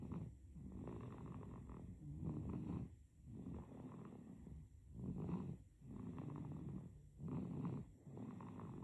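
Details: Sleeping baby: rhythmic rattling snores with each breath, about seven breaths in nine seconds; infant snoring.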